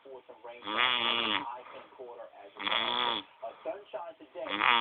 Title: snoring